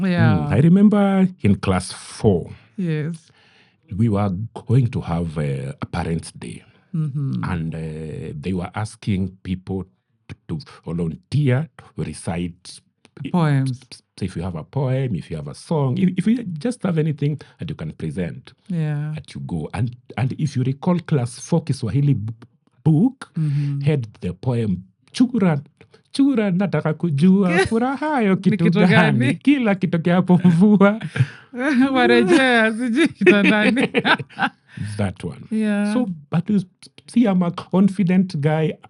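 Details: Adult man who stammers, saying it is genetic, inherited from his mother, and at times acute; word and part-phrase repetitions are heard; stuttering.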